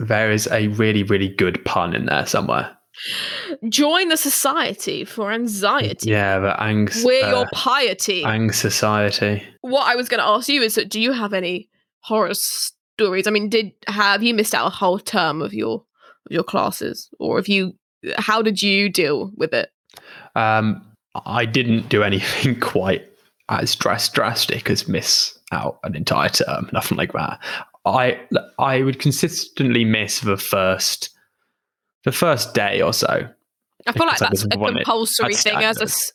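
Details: Adult woman who stammers, with repetitions and broken words; stammering.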